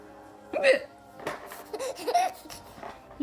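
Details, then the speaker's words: Adult's hiccups: brief, abrupt hiccup sounds roughly one to two seconds apart, each followed by a baby boy giggling at them, in a quiet room. "think my hiccups are funny [Laughter] no I said no [Laughter] you think my hiccups are funny or something what's going on here"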